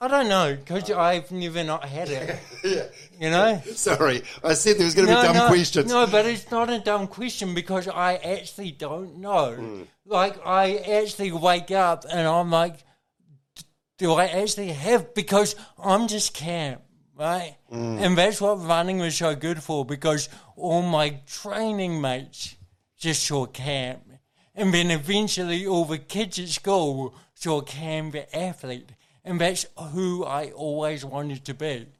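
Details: Adult man with cerebral palsy from birth, caused by oxygen loss to the brain during delivery (a brain injury); he says his thinking and articulation are intact; mild dysarthria (cerebral palsy).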